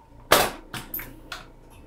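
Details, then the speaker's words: An AIR JET II needle-free pneumatic injector fires a test shot at a level of about 50–60 before a lifting treatment on an alcohol-disinfected area with no anesthesia. A sharp pop is followed by softer hissing bursts. "우선은 샷이 잘 나올 수 있게 테스트 샷을 좀 쏴봐야 되는데 그렇죠."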